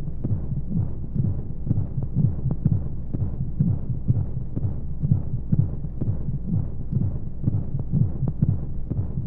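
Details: Womb-sound sleep aid for babies: muffled regular low thumping heartbeat, about 125 a minute, under a steady soft hum of flowing white noise, a womb-like heartbeat sound.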